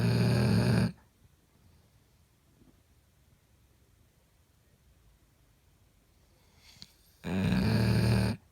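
Two loud buzzing snores about six seconds apart with quiet pauses between, a slow breathing rhythm in sleep.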